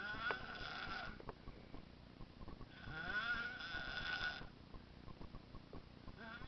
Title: snoring baby